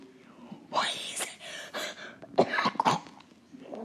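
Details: An adult gives several short, harsh cough bursts with a voice crack and breathy sounds in a small quiet room.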